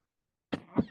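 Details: Adult man who says he is under the weather, coughing mid-speech: a brief two-part cough, a sharp burst followed by a second expulsive push.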